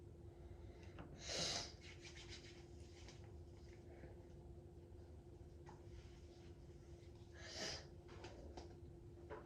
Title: How to sneeze nonstop! (Part 14)